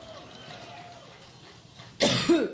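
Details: Two harsh cough bursts in close succession from adult female speaker in a prolonged four-minute coughing fit on stage at a Labor Day speech; she attributes it to an allergic reaction.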